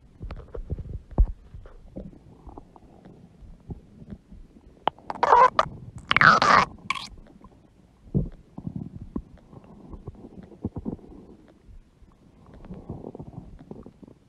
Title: Huge belly stomach growling noises | Belly Stomach Makes Noises.